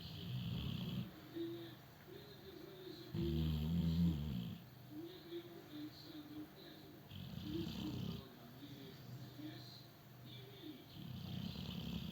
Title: Snoring doggie-2